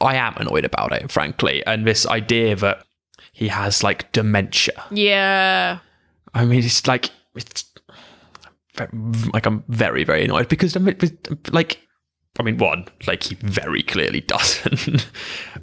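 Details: Adult who stammers, in conversational speech; stammering.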